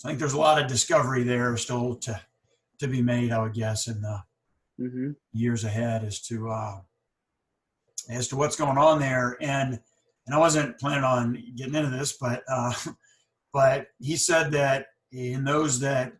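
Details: Stuttering in a speaker on a podcast by and for people who stutter, with audible pauses and word repetitions.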